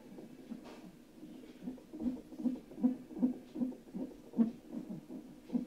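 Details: First fetal heart tones of the baby on a doppler monitor: rapid, soft whooshing beats at about 150 per minute over background hiss; fetal heartbeat.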